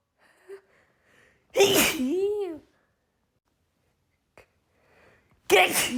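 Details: Female with pollen allergy in an uncontrollable sneezing fit: two forceful sneezes, each with a voiced 'choo', with quiet sniffs and breaths between them; allergic sneezing.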